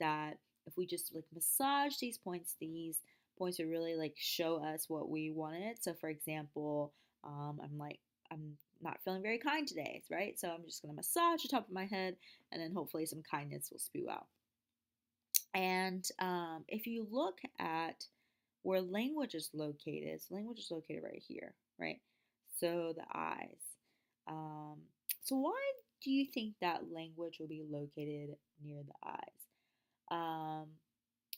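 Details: Wernicke's aphasia (fluent aphasia), imitated: a lecturer reads example sentences of the kind people with Wernicke's aphasia might produce, not a real patient.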